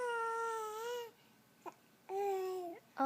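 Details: Infant with hiccups crying: two drawn-out, tonal cries with a short catch between them, in a quiet room.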